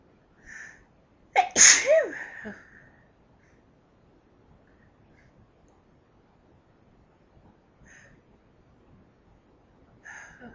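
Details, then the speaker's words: Sneeze fit brought on by allergy to lilies; one loud sneeze with a sharp in-breath before it, then quiet with faint short sounds: allergic sneeze. "These lilies make chew. Chew. Making me sneeze."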